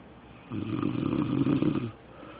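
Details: Snoring from a sleeping adult man whose partner says he doesn't snore: a single loud, rattling snore on the breath, lasting about a second and a half.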